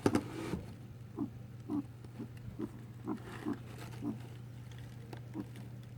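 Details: 4-year-old male guinea pig making repeated noises persisting despite a vet visit; owner unsure if coughing or sneezing: short, repeated snorting bursts, about nine in six seconds, over a steady hum.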